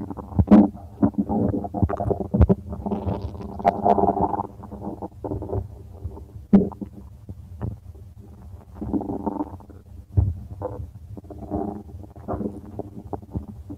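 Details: Stomach rumbling with continuous low gurgling and irregular pops and squelches; active, ordinary bowel sounds.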